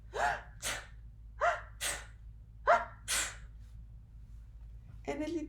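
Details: Three acted sneezes, each a sharp in-breath and then a hissing burst, in a demonstration of covering coughs and sneezes with the inside of the elbow to protect others from germs.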